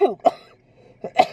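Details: Adult with a respiratory infection: a short run of harsh, forceful coughs in quick succession, coughing hard enough to cause urine leakage.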